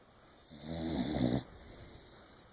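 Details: A single loud, rattling snore lasting about a second on a breath in, over quiet room noise; snoring.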